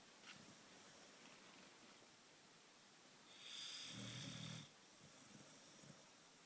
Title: Odie the boxer, snoring